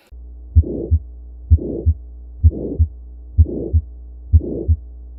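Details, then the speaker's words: Paediatric cardiac auscultation teaching example: regular heartbeat at about 64 a minute with a diamond-shaped murmur between S1 and S2, initially softer, then louder, then softer again; midsystolic ejection murmur. "In a midsystolic murmur, you can hear that they're initially softer, then they get louder and then softer again."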